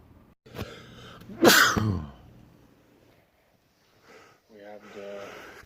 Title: World Loudest Sneezes